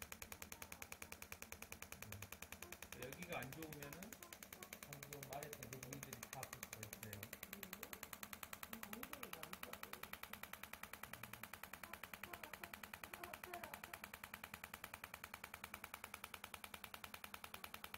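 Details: Extracorporeal shockwave therapy on the biceps femoris (hamstring) muscle chain for a patient with buttock, hamstring and back-of-knee pain: rapid, steady clicking pulses, about 200 a minute, with background voices.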